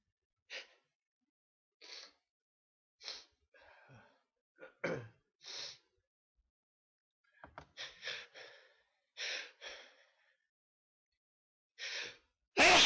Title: Sneezes